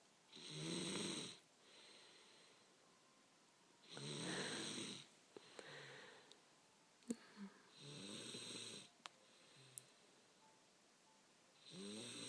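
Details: Loud rattling snores on each breath, about 16 a minute, with quiet gaps and a few faint clicks in between; snoring.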